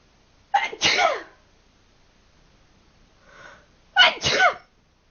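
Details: Two loud, sharp sneezes, each with a quick catch of breath before it and a soft breath between, from a person who had been sneezing repeatedly; imitated-free, ordinary sneezes.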